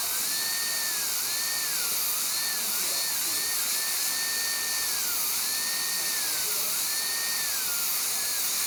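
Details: High-speed dental handpiece cutting tooth #9 distally during an all-ceramic crown prep: continuous high-pitched turbine whine dipping and rising as the bur touches and lifts off; the operator suspects the turbine is starting to go.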